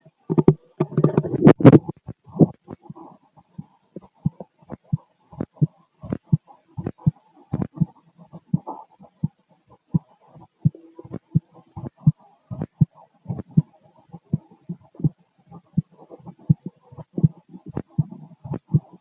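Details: Normal heart sounds of a male sitting down, heard through a stethoscope on the chest: steady, regular low thumps, with brief rustling at the start.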